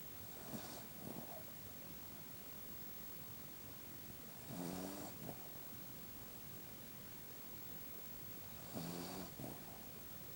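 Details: Miniature Pinscher dog napping: soft, rhythmic, low rumbling snore on each breath roughly every four seconds, about 14 a minute; snoring.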